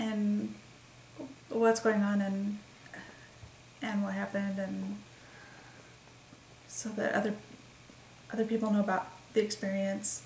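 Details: Woman with expressive aphasia and word-finding difficulty, caused by migraines that also caused seizures, onset December 28, 2012; expressive aphasia.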